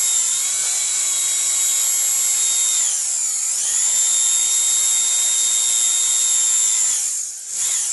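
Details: Dental drill sound-effect recording: high-pitched steady whine, dipping briefly and spinning back up.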